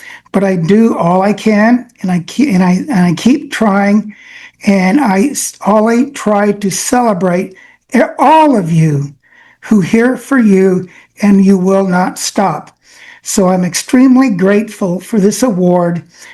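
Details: Adult man with aphasia affecting his brain's language centers, reading prepared remarks because speaking is harder; aphasia.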